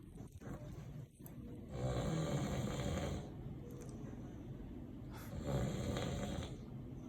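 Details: Two long, loud, rattling low snores on the in-breath, separated by a quieter out-breath; heavy snoring from a sleeper heard by someone recovering from spinal cord surgery.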